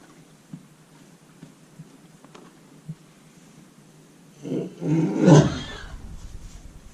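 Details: Horse coughing in his stall: faint stall noises, then a deep, heavy, forceful cough burst lasting about two seconds; owner very concerned about how bad the cough was.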